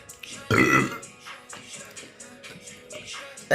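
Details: Female streamer burping during a live stream: one short, loud burp, then quieter talk over background music.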